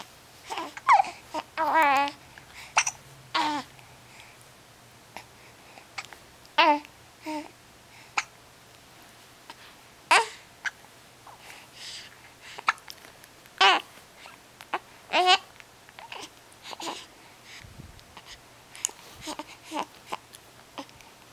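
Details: Hiccups at 6 weeks old: repeated short, abrupt voiced catches at irregular intervals with some babble-like sounds.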